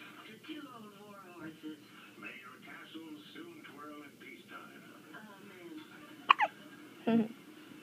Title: More hiccups